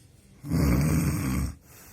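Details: Snoring in the context of a mandibular advancement device for snoring and sleep apnea: a single loud, low, rattling snore lasting about a second on a breath.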